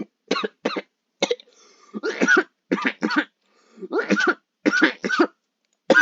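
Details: Cough in an ill gamer: repeated short, dry cough bursts in clusters, about a dozen over six seconds.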